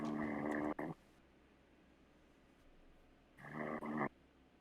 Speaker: don't let me down buddy keep snoring